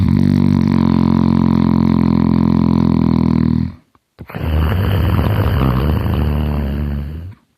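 Two loud, deep, fluttering breath sounds, one drawn in and one pushed out, with a coarse rattle: heavy snoring.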